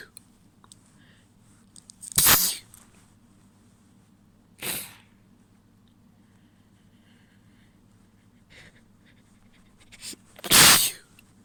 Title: Wet sneezes, few stifles and a nose blow